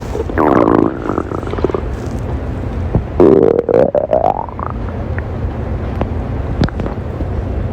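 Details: Female abdomen: gurgling, rising and falling growls as gas and fluid move through the gut; borborygmi (stomach growling).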